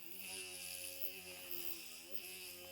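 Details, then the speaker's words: Simulated zygomatic implant osteotomy on a 3D-printed skull model made from a patient's DICOM scan: a 1.8 mm lance drill on a straight handpiece with copious irrigation, giving a steady high motor whine and a faint irrigation hiss. "we'll start with our Lance drill again this is a 1.8 drill and we'll lay this one 1.8 drill right in that same little channel that we created with the diamond bur"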